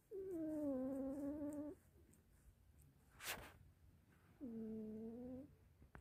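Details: Cat that has snored since kittenhood, sleeping on a bed in the morning: two drawn-out, whistling, pitched snoring breaths about four seconds apart.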